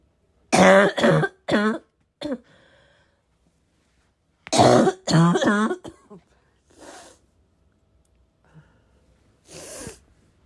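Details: Bursts of harsh, deep barking coughs in quick runs with throat clearing and snorting between them; the person is unsure whether the heavy smoker-type cough is from vaping or from getting sick.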